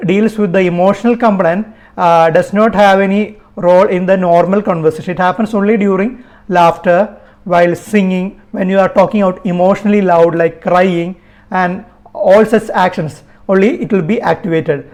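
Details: Adult speaker; normal speech.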